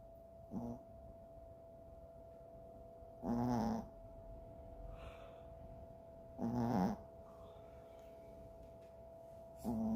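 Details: Chihuahua snoring: short nasal snorting breaths about every three seconds over a steady background hum.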